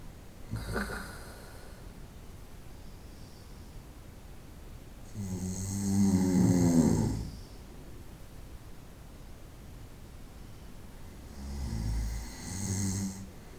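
Two long, rough snores about six seconds apart with quiet breathing between them, in a soft steady room hiss: snoring during sleep.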